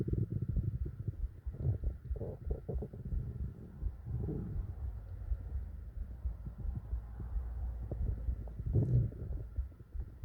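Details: Low continuous gurgling and rumbling with bursts of bubbling, mixed with faint dull heartbeat thumping, in a relaxation recording; bowel sounds.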